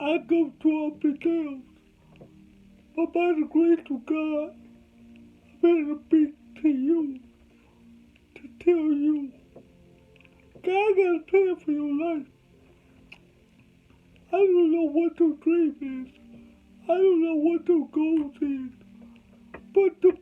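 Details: Adult man with cerebral palsy whom doctors said would never talk; dysarthria (cerebral palsy).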